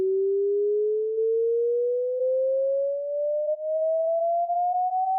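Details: A pure whistle-like tone rises slowly in pitch over about five seconds, played as an online hearing test of how old the ear is: hearing test tone sweep.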